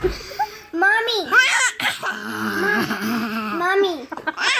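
Wavering, high-pitched infant crying and fussing, with brief adult voices and laughter nearby.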